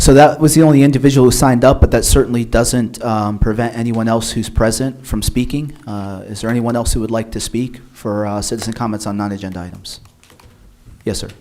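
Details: Adult man speaking; normal speech.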